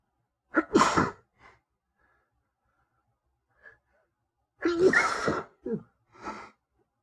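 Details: Two forceful induced sneezes from a male, provoked with paper towel points, each with a brief intake breath before the burst, plus small sniffs in a quiet room.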